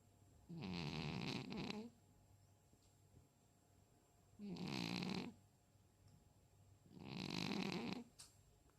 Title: Mr.Timon snoring cat | Мистер Тимон храпящий кот